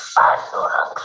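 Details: Adult male after total laryngectomy, using tracheoesophageal speech with a Blom-Singer voice prosthesis; he lost his voice completely after surgery and can now communicate with it.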